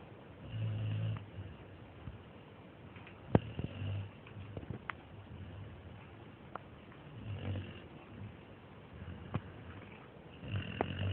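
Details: American Staffordshire terrier (amstaff) dog asleep: low rumbling snores recurring every few seconds, faint clicks and room noise between; ordinary snoring.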